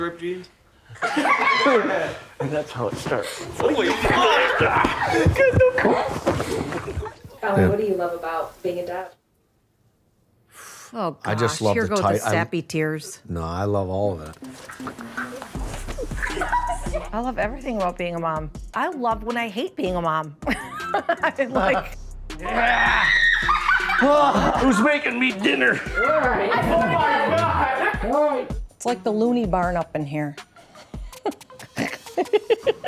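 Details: 21-year-old woman with severe Tourette syndrome and obsessive-compulsive disorder; narration ends with an involuntary swear-word tic; Tourette syndrome vocal tics.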